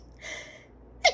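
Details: Woman and man with allergies, sneezing repeatedly during conversation: a hissing indrawn breath, then a short sharp sneeze burst at the end.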